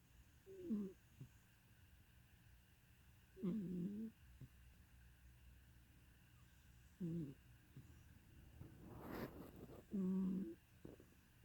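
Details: Snoring in sleep, subject described by owner as fat: soft, low, rumbling snores at irregular intervals over steady room noise.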